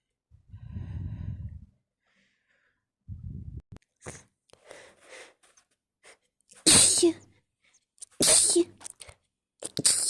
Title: Snotty sneeze fit